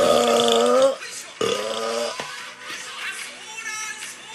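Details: Japanese woman performing deliberate belches during a live burp stream: two long, loud, voiced belches, the first drawn out, then quieter sounds over faint background music.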